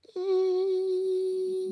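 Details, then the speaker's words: Imitated tinnitus: a steady, unbroken hummed tone mimicking the brief ringing a person with normal hearing sometimes notices, lasting seconds and fading, described as short-term tinnitus. "Kadangkala saya dengar bunyi berdengung. -Tapi ia datang dan pergi."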